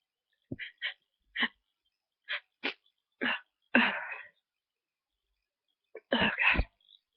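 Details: Person with a nose tickle, possibly getting sick, sneezing repeatedly; several short breathy catches and build-ups, then a late burst: a stuck sneeze that stalls before releasing, followed by heavy breathing and breath hitching.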